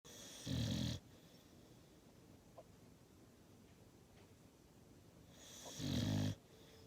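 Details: Sleeping dog snoring: two deep, rumbling snorts several seconds apart with quiet breathing between them.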